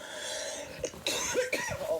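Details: Girl who can't stop coughing: two or three short harsh coughs in quick succession in a small room.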